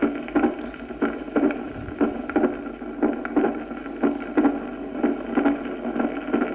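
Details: Pericardial friction rub.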